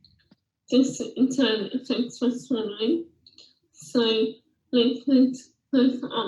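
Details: Lower motor neuron (bulbar) dysarthria, with hypernasality attributed to a flaccid soft palate; flaccid dysarthria with hypernasality.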